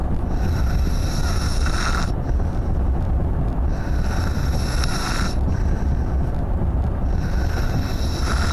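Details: Rhythmic rasping breaths recurring about every three and a half seconds over a steady low rumble; heavy snoring.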